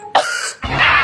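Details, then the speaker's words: Adult man in a comedy sketch who coughs about every 25 seconds: brief, harsh throat-clearing cough in two quick bursts. "Saya sudah tahu. Setiap 25 detik."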